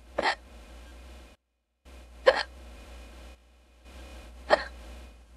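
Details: AI-generated simulated hiccups of a streaming character: three sharp, abrupt hiccups about two seconds apart over a faint steady hum.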